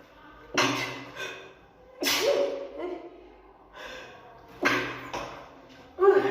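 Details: Girl who says sudden sneezes came on after putting on perfume: three forceful bursts with sharp onsets and trailing exhalations, each preceded by a faint intake. Repeated sneezing.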